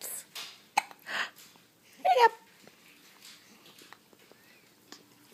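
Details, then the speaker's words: Hiccups in a young child who gets them every day: several short, abrupt catches in the breath, a few of them vocal, with soft background noise and an adult voice. "and you still get those hiccups every day every day you get to hiccup yes you do hiccups"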